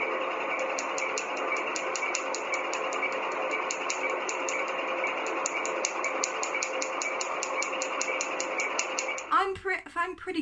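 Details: Laser tattoo removal device in use during a real treatment session on the narrator, who has had three full treatments: rapid, regular clicking pulses, about four to five a second, over a steady machine hum, with brief speech at the end.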